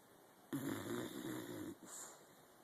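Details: Pet Helmer, exceptionally tired one morning, asleep in a home office: one rough, vibrating snore lasting about a second, then a softer breath out; snoring.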